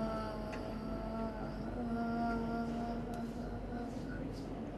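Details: Person with ataxia doing sustained 'aa' phonation after deep abdominal breathing in a speech therapy exercise; sustained vowel phonation in ataxic dysarthria.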